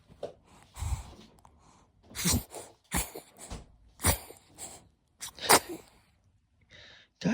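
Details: Baby sneezing: small, soft sneezes among rustling and quiet handling noise in a room.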